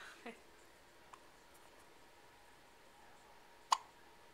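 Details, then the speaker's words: Baby on day five gets hiccups right after a bottle feed. "alright so it's day five we just had a bottle and got the hiccups"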